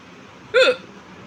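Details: Loud hiccups during a non-stop hiccups video: a single sharp, loud voiced hiccup with a quick upward squeak in a quiet room.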